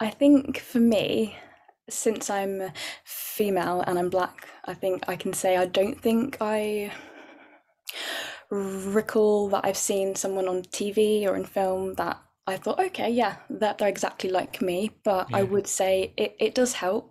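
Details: Adult woman, a civil servant who stammers, with lots of blocks one after the other; stammering.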